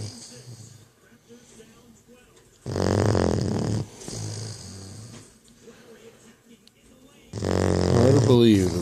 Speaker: the snore of a 12-week-old puppy. Lucy.